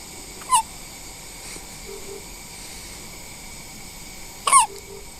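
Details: One-week-old baby girl in the NICU, doing well, with hiccups: two brief, sharp, squeaky hiccups about four seconds apart in a quiet room. Ordinary infant hiccups.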